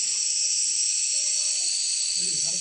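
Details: Steady loud high-pitched hiss of a steam inhalation treatment with faint background voices, given in a hospital ward to Rahul, a child with a mild cough whose surgery was postponed two days after the anaesthesia check.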